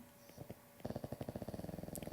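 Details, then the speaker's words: Small pug dog asleep: rapid, steady fluttering, purr-like rattle after a brief quiet in a small room; loud snoring. "Ooh, can you hear my dog snoring? That's my little pug dog. He snores pretty loud."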